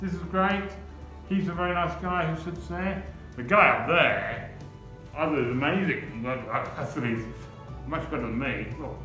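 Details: 63-year-old man, an artist, with aphasia after a stroke in 2018, who also has seizures; aphasia.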